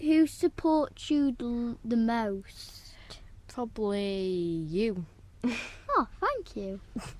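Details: Speaker who has a stammer, as does his brother; stuttering (stammer) with phrase repetitions.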